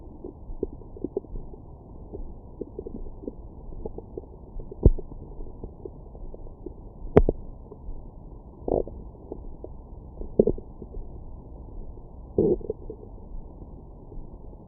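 Irregular low gurgles and a few sharper pops over a rough rustling background fit stomach growling (borborygmi).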